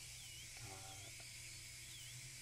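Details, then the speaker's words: Failing dental implant with peri-implantitis, no bone support, placed many years ago by an unknown system, sectioned in half for removal: high-pitched steady drill whine with brief grinding; dental drill sectioning implant. "trying to figure out what implant system was used what driver to use it's just a little bit easier just to section in half here"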